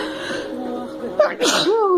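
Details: Woman sneezing after snorting snuff, nose burning: a single sharp, forceful sneeze after a short build-up inhalation, followed by a voiced exclamation, faint music behind.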